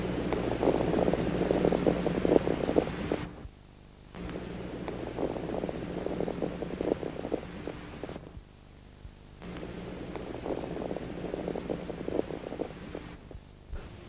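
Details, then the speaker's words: Fine atelectatic (unfolding) crackles at the lung bases over three deep breaths. The lower-lobe alveoli collapsed with raised diaphragms, and the crackles disappear as deep breathing reopens them. "el paciente ha logrado despegar los alveolos los estertores este tipo de estertor crepitante o despegamiento desaparece"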